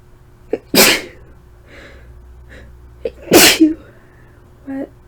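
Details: Self-induced sneezes after hours of cleaning dusty shelves untouched for about 14 years; two loud, sharp sneezes, each with a short breathy lead-in and a brief vocal catch afterward, from dust-triggered nasal irritation.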